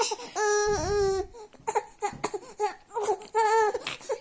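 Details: Newborn baby boy crying while being soothed with lullaby: short fussing cries, rising wails broken by whimpers and breathy sounds; ordinary newborn crying.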